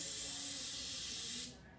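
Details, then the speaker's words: Daily dental office opening routine: an air-water syringe air-flow check, specified as 20–30 seconds. A steady hiss of air stops abruptly after about a second and a half; normal air flow. "the next step would be to check the air water syringe first you check the air flow for 20 to 30"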